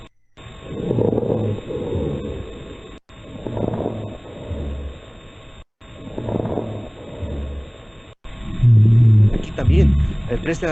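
Simulated breath cycles, about 22 a minute, with low snoring rhonchi and scattered inspiratory crackles, typical of pulmonary congestion in heart failure.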